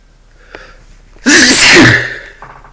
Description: Had to get some things out of a dusty closet and then, this happened.